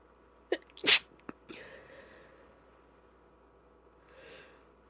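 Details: A sharp sneeze from a female with a stuffy cold, with a brief inhaled lead-in and a few small follow-up sounds, then quiet; a single sneeze.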